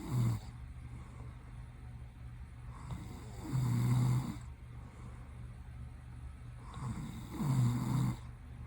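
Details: Low, rumbling snores with each breath in, about 16 a minute, against a steady background hum, from a sleeping adult man whose eyes open while asleep.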